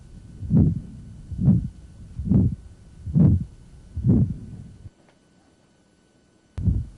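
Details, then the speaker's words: Calcific or acquired aortic stenosis in a man, heard with the diaphragm at the right upper sternal border, radiating to the apex and beyond: harsh, rough systolic murmur like furniture dragged across a floor; regular rhythm about 67 a minute. "so heard with the diaphragm right upper sternal border radiating to the apex and in this gentleman will see it radiating outward to other places as well here that rough quality to it it's almost like somebody's dragging furniture across the floor"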